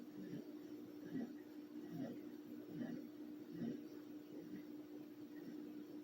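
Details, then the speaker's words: Sleeping adult female dog snoring with soft, rhythmic rasping snores roughly every second over a steady background hum; owner says she always snores asleep and is not sick. "you can hear my dog right now because she's snoring"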